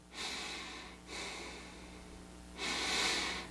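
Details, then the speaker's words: Adult with a nasal dilator inserted, nostrils flared, trying to collapse the nostrils: three strong, steady, open-sounding hissing nasal sniffs, the last one loudest; forceful nasal inhalation without nostril collapse. "Stuff it up in there and you can see how my nostrils flared. Now watch, I'll actually try to collapse my nostrils."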